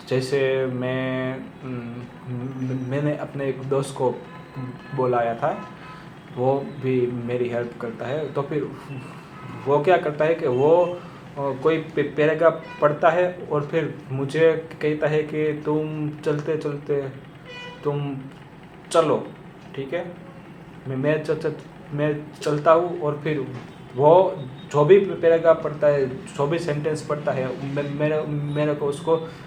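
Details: Adult male who says he himself stammers, speaking Hindi with audible word repetitions; stuttering.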